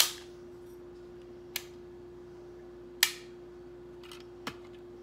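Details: Sharp snapping clicks in a quiet room as a Dexcom G6 CGM glucose sensor applicator is broken off and fired into the skin at a new site during self-replacement of sensor and transmitter.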